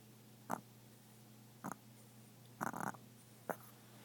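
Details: Sleeping dog snoring: short snorting breath noises, light snoring over a steady room hum.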